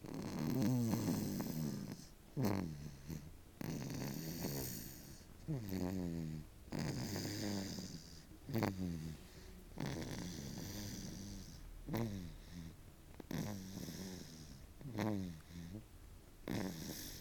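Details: 6-month-old baby boy snoring: irregular rattling, snorting snores, roughly 19 breaths a minute, over a low background hum.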